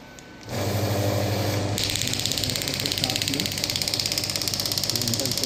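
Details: Biotronix pneumatic radial shockwave therapy device (ESWT) demonstrated on a hand at about 4–6 bar, then raised toward maximum: rapid, steady train of sharp mechanical clicks, about 200 a minute, over a low hum.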